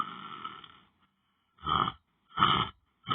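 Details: Short, rough, grunting snores repeating about every second with silent gaps, from a person sleeping while lying down on the floor during meditation.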